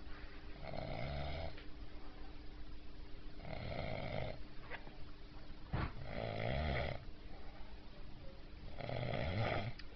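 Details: Sleeping jet-lagged man snoring: four loud, rough, rattling snores about every two to three seconds over steady room hum.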